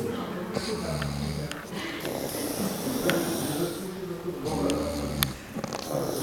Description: this man was drunk and fell asleep, snoring.